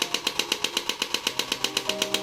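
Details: Demonstration of a new-model physiotherapy shockwave therapy machine with frequency turned up: rapid, regular sharp clacks, about eight per second, with a faint background tone as the handpiece fires repeatedly.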